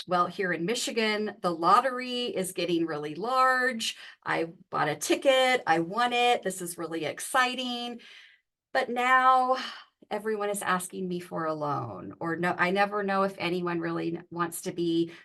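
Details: Adult woman speaking; normal speech.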